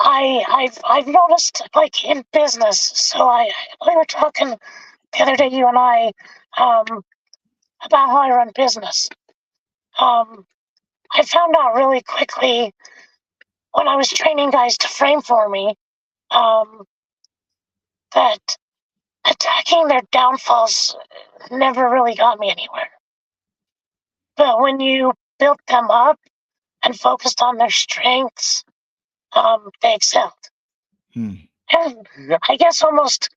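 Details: Adult man with traumatic vocal fold paralysis from a four-wheeler accident at 25 (trachea split, oesophagus torn); tracheostomy removed after 2 months; scope still shows paralysed cords; over 25 years since onset.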